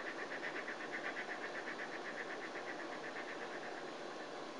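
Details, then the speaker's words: Flutter valve therapy demonstrated by a respiratory therapist for training: steady airy exhalation with rapid regular fluttering, about two pulses a second, as the patient blows through the device, part of 10 breaths before huff coughs. "okay now that you've done 10 I want you to do a couple uh of those Huff coughs"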